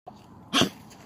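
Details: A single short, harsh, hacking cough from a 13-year-old senior poodle that is still an avid hiker, heard against quiet room noise; a dog cough.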